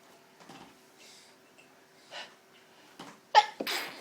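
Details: Sneezing after inhaling pepper from a smashed pepper pot: quiet breathing and sniffing, then two sharp, explosive sneezes close together near the end.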